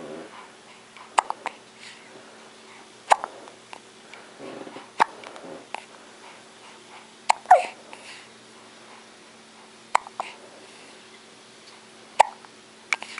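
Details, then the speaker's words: Newborn boy a few days old: brief, sharp hiccups about every two seconds, roughly eight in all, with soft infant noises between them; hiccups. "Oh, he got those hiccups, poor baby."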